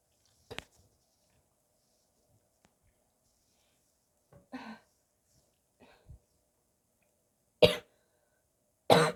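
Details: Sick person's barking cough: several harsh, abrupt coughs and throat-clearing sounds with silent gaps, with gagging and spitting.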